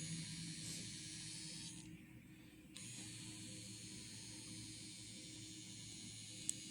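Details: Steady high hiss with a brief break mid-way, then a sharp click: a handheld intense pulsed light wrinkle-reducing device with three settings, running on a 73-year-old man's face and neck.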